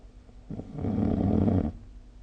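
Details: Snoring recorded with the SnoreLab app: a single low, rough, rattling snore on an in-breath, lasting about a second, in a quiet room. Snoring.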